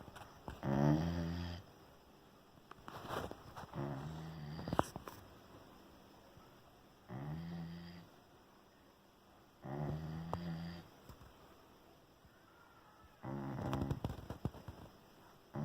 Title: Puppy Snoring